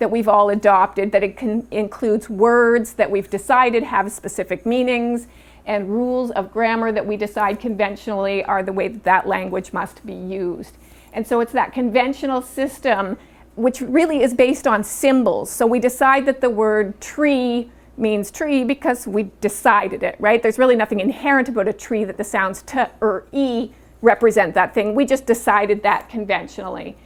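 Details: Adult woman speaking; normal speech.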